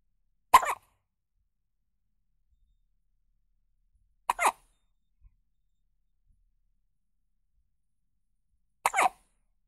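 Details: Newborn baby hiccups, offered as a sound effect: three short, sharp catching sounds a few seconds apart in a quiet room.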